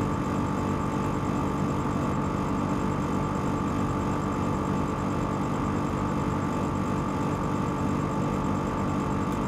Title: ASMR 3D Aerosol with 2 Nebulizers and moonlight for Sleep and Relaxation